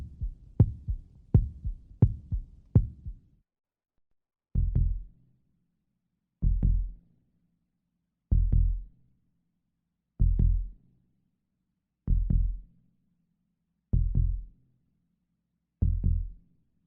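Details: Deep, paired lub-dub heartbeat thumps, quicker at first, then slow and steady near 32 beats a minute; high-definition sound-effect recording of a normal heartbeat.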